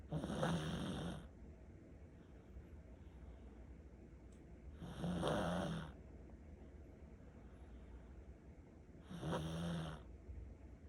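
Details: Three loud rattling snores, one with each inhalation, about 14 a minute, with quiet breathing between; heavy snoring in a sleeping Pomeranian dog.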